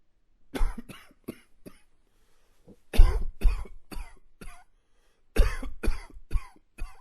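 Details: Three bouts of harsh coughing, each a run of four quick coughs, with short pauses between bouts.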